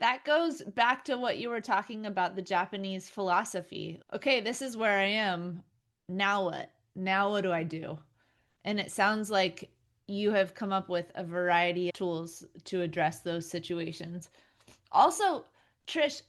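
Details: Two adult women in conversation; ordinary conversational speech.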